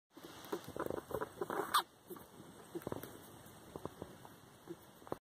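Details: Pet rats with a respiratory infection: short wet snuffles and sharp little sneezes, what a sick rat sounds like.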